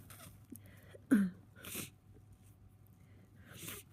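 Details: Person with a bad cold having sneezing fits, over 100 sneezes in about 2 hours: a sharp sneeze burst, softer sniffing and breathy noises, then another sneeze-like burst at the end.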